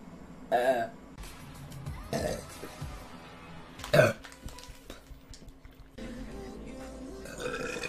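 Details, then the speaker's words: Several loud, throaty burps spaced a few seconds apart during a livestream, with music and faint talk in the background; the person says they get hungry, then full very fast, and that their burps are spicy. "my burps are spicy um [Music] they're so hot"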